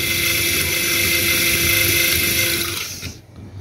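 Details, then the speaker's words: Zygomatic implant drilling into dense zygomatic bone on a maxilla model skull, without irrigation, handpiece heated up: high steady drill whine that drops off as the drill stops; implant drill cutting bone. "Now, it's producing a lot of heat. The handpiece has got really heated up."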